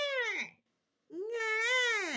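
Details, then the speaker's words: Adult imitating the drawn-out 'nah' cry of an infant aged 0–3 months, twice; this cry signals a tired baby, whose mouth widens towards the sides. "nah you tell the difference nah means baby is is tired sometimes their mouth even opens"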